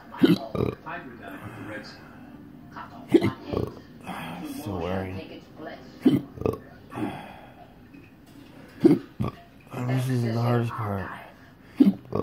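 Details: Intractable hiccups ongoing since December 2015, in an episode recorded October 27, 2019: sharp, abrupt gulping catches recurring every few seconds, some with belch-like voicing.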